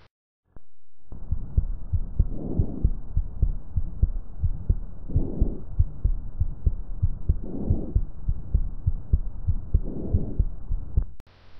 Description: Respiración Vesicular (7:05): Se oye en la inspiración debido a la elasticidad de las paredes alveolares (7:08) y no se oye en la expiración (7:25).